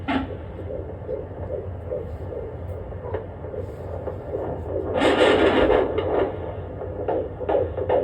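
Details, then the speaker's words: Fetal heartbeat of a baby boy on ultrasound at the first prenatal checkup: rapid whooshing throbs at about 160 per minute over a steady hum, described as very strong. "That child's heartbeat was so strong. I was like, oh, he's going to be strong. That's your baby."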